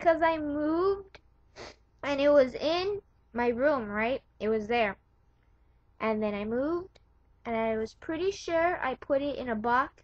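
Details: Adult woman speaking; Normal speech.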